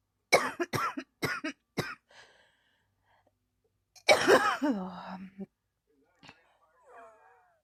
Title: ugh I can't stop coughing, 😔